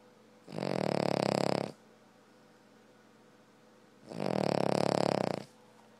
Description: My dog snoring. I don't know how anyone in our house can sleep but after four years with her we have got used to it.